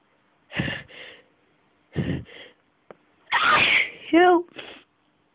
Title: Sneezing Fit.. too sneezy D: